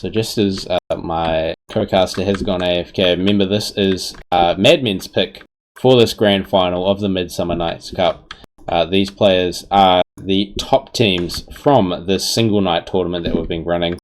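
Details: Adult male speaker; Normal speech.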